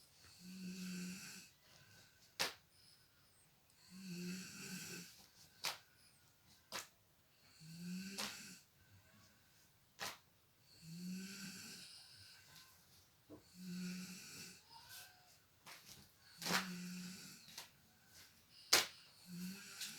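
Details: Sleeping mother snoring while her young one plays and cleans nearby: regular rattling snores on each in-breath, about 20 a minute, with sharp clicks and taps between; snoring.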